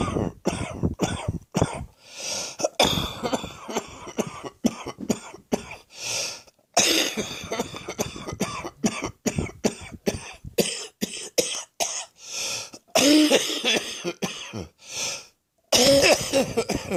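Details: Person with viral illness causing chest wheeze, morning coughing: repeated bouts of short harsh coughs with rough, noisy wheezy breathing between them.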